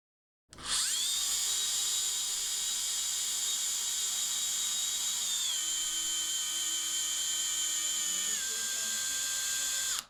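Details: Continuous high-pitched motor whine dropping in pitch twice under load: a surgical power drill inserting a locking screw during retrograde femoral nailing of a distal femur fracture, demonstrated on a bone held in a clamp.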